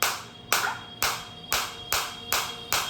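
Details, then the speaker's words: Focused shockwave therapy device on the operator's own body, intensity raised and felt deep inside, frequency being increased from 90 pulses/min: sharp regular clicking pulses about 2 per second over a steady hum; shockwave shots. "अब मेरे को काफी अच्छी intensity आ रही है। मेरे को बहुत अंदर तक फील हो रही है शॉर्ट वेव आती हुई।"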